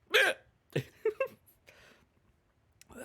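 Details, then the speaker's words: Man with hiccups just after eating a very hot chip (Reaper One Chip Challenge): several abrupt, voiced hiccups in close succession. "i didn't set the top i didn't start the time i got hiccups"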